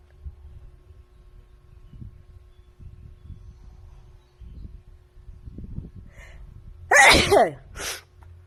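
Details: Woman sneezing at her hotel: one loud, sharp sneeze with a brief voiced cry, then a softer after-burst, over low rumbling room noise.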